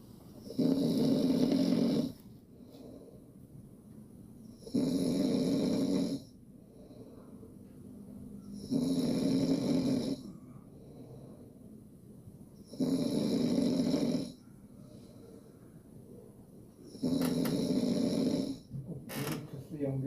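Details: Loud, rough snores recurring about every four seconds, roughly 15 per minute, in a quiet room, recorded by a smartphone snoring-detection app.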